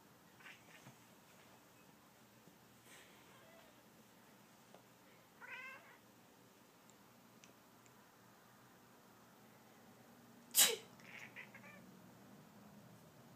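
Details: A single sharp, explosive sneeze in a quiet room disturbs a sleeping cat, which follows with brief meows and chirps.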